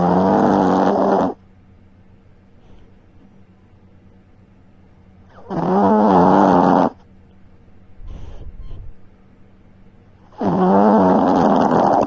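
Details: Dog snoring, recorded with a tiny mic while snuggled and sleeping: three loud, rumbling snores on breathing in, about every five seconds, with quiet breathing between; loud snoring in a sleeping dog.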